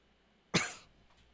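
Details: Adult streamer with a headache, feeling cold and unwell all day: a single sharp, harsh cough burst that fades quickly.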